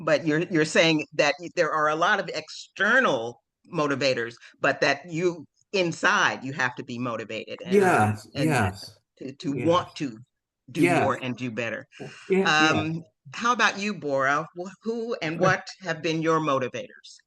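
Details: Adult speaker, conversational; normal fluent speech.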